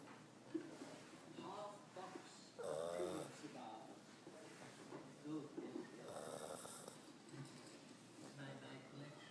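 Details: Loud snoring from a pug dog, soft irregular snuffling snores with faint squeaky breath noises during sleep in a quiet room; snoring.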